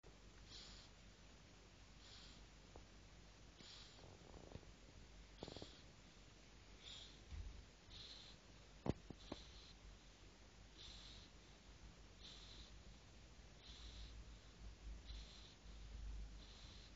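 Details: Two sleepers snoring: faint regular hissing breaths about every one and a half seconds, around forty per minute, with light snorting noise.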